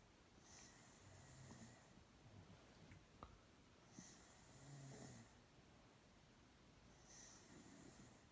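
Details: Low, soft snoring from a sleeping girl about every three seconds beneath steady room hiss, with a faint snort partway through; snoring.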